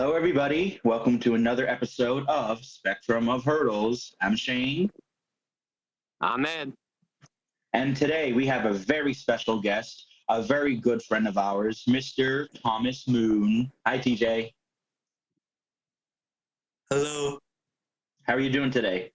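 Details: Adult male speakers, several voices; ordinary speech.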